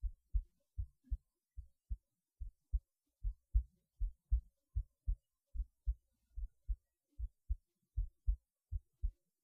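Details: Heartbeat recorded through a cheap acoustic stethoscope; steady lub-dub about 78 a minute with clear paired first and second sounds.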